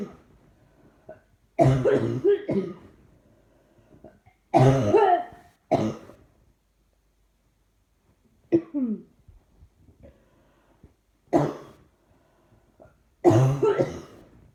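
Several bouts of harsh coughing with throat clearing and quiet gaps between them; a persistent cough.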